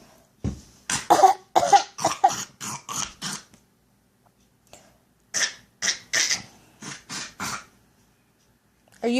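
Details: Child deliberately producing two runs of short, forced, dry coughs: a voluntary fake cough, not a true cough.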